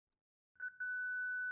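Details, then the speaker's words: A few short beeps, then a steady high electronic tone as a Zenix monitor/defibrillator charges after energy selection for synchronized cardioversion, in a pediatric-use instructional demonstration: defibrillator charging tone. "Choose the desired cardioversion energy using the Energy Select key. Next, press the Charge button."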